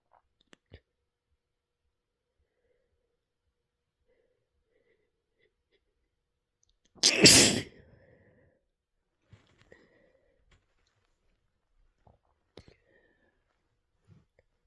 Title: drippy holdback gives way to wet, spraying sneezes